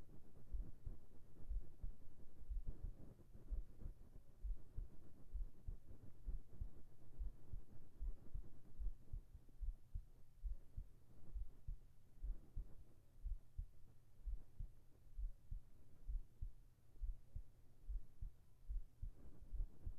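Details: ASMR heartbeat recording for sleep, with whispered voice: steady soft low thumps at about 80 beats a minute under a faint background hum, regular; normal heartbeat.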